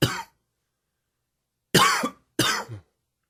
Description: Another little allergy cough for you. Dry and wheezy.